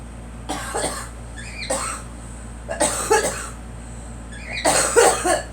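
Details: Girl, coughing that a caregiver attributes to bad pollen: repeated short, harsh coughs in clusters of one or two, about four bouts over five seconds, against faint room hum.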